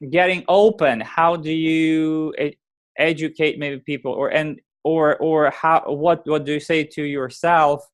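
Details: Adult man who has stuttered since age 4 and says he still clearly stutters; speech therapy and support groups helped him; stuttering.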